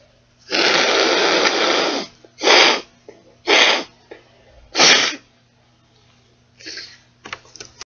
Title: Three sneezes and a nose blow